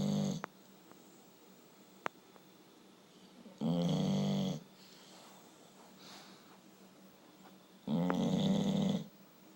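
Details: Tired dog snoring while asleep: two long, rumbling snores about four seconds apart, with quiet breathing between.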